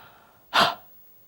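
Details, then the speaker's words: A single short, quick, forceful open-mouthed huff after a deep breath in, demonstrated by a respiratory physiotherapist as an airway-clearance technique for chronic lung conditions, moving sputum up so it can be coughed out. "take a deep breath in and use the short quick huff to move sputum high enough that you can cough it up"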